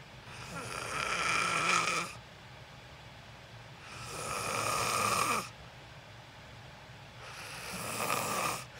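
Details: Person recorded sleeping: loud, harsh snoring with a whistling edge on three long breaths, about 18 a minute, with quiet pauses between; snoring.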